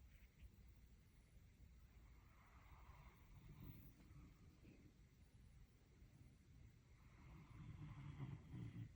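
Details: Low, quiet rumbling snore from a sleeping German Shepherd dog, swelling and fading with its breaths; snoring.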